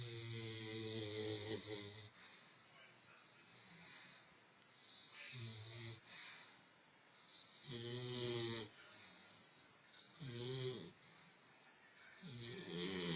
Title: Hurley Snoring